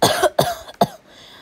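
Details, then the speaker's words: Sick person with a bad cough, attributed to hay fever and something in the throat: three quick, harsh coughs in a row in a small room. "sorry about my coffin got a little bit of hay fever and there's stuff down my throat and that's the reason"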